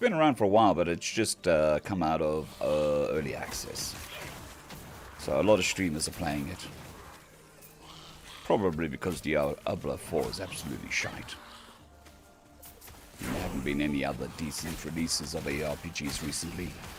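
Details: Man on day 2 of recovery stream after vocal cord surgery; cords mostly healed but lacking strength and stamina, physiotherapy pushing the voice, sounds like laryngitis. Finding: dysphonia after vocal cord surgery.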